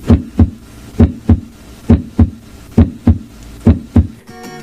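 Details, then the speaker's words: Regular lub-dub heartbeat about 67 per minute, crisp S1 (mitral and tricuspid closure) and S2 (aortic and pulmonary closure), no extra sounds; normal heart sounds. "ese uno corresponde al cierre de las válvulas aurículoventriculares es decir la mitral y la tricopía Y s2 corresponde al cierre de las válvulas semilunares es decir la aórtica y la pulmonar y estos ruidos suenan así"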